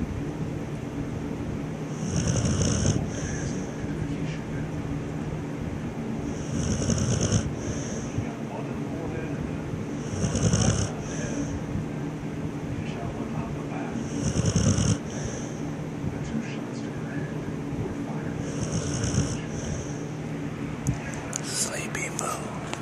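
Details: Dark-room recording of Moo snoring: rhythmic rough snores about every four seconds, roughly 14 breaths a minute, over a steady background hum.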